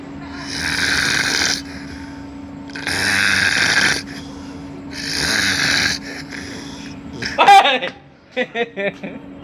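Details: Infant snoring: rough, rattly snores on three breaths, about 29 a minute, followed by brief fussing sounds.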